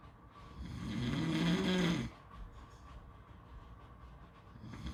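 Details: One loud rough snore on the in-breath, then quiet breathing with beach background noise; snoring.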